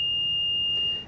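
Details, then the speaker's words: Steady high-pitched electronic tone of the MRI scan room oxygen alarm, meaning the area must be evacuated; part of an MRI magnet and cryogen safety training recording. "never enter a scan room where air quality is questionable if smoke comes from the magnet or if the oxygen alarm sounds evacuate the area and"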